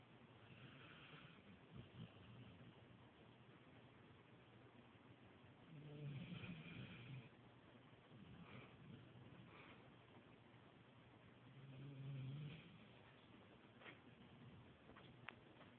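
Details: A dog snoring during sleep: soft low rumbling snores on breaths roughly every six seconds over room noise.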